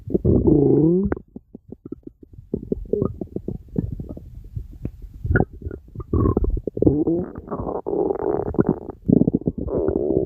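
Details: Stomach rumbling from an animal: gurgling, bubbling rumbles with rapid clicking pops and low squeaky tones; borborygmi.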